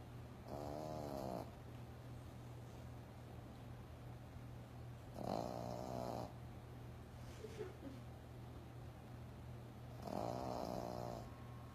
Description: To funny, we caught our Yorkie Snoring on the couch.